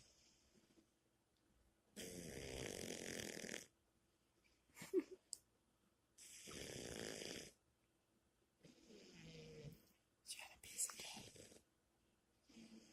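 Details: Snoring while asleep: loud, rough, vibrating snores on each breath in, about 16 a minute, with quiet pauses between; ordinary snoring.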